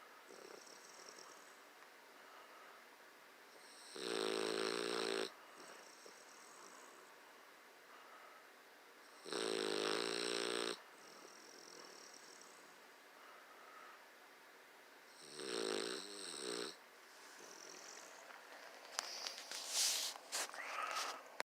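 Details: Bulldog snoring: three loud, rattling snores at about 11 breaths a minute, with quiet whistling breaths between them.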